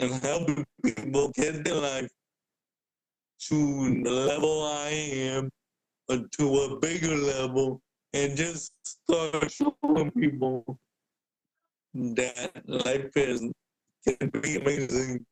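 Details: Adult man with cerebral palsy present since birth, a wheelchair user who describes his physical limitations; speaking is noted as hard for him. Dysarthria (cerebral palsy).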